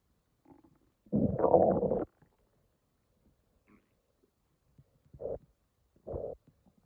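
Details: Stomach growling on waking in the morning: a loud, gurgling rumble of about a second, then two shorter growls in a quiet room; borborygmi.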